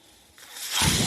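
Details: Brief quiet, then a rising airy whoosh that builds and holds as a podcast speaker's own mechanical ventilator delivers a breath while he talks: mechanical ventilator breath cycle.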